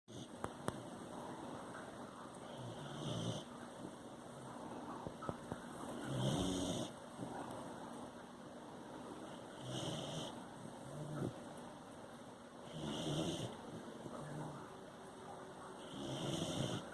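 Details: Slow regular snores from a sleeping puppy named Luna, about 18 a minute, each a soft low rumble; ordinary snoring.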